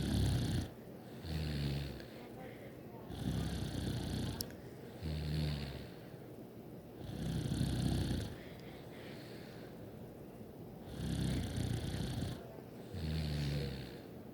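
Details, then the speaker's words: Sister sleeping, said to snore a lot: loud, low rattling snores on each breath, about 15 to 20 a minute, with quieter breaths between; snoring. "You guys can't hear my sister sleeping. Turn up your volume. My sister snores a lot."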